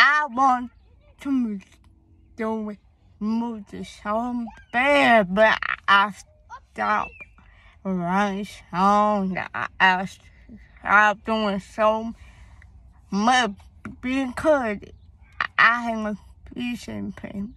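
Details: Young woman with a speech impediment beginning in third grade and hearing loss (deafness); cause not found by doctors, possibly linked to being born too early; attended speech therapy at school; finding: speech impediment.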